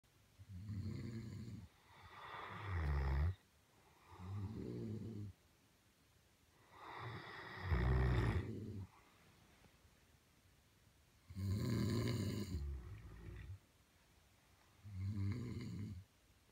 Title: Great Dane and dad snore battle